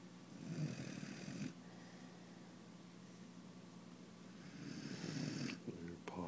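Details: A 16-week-old Great Dane puppy sound asleep and snoring, with low rattling snores and quieter breathing between them.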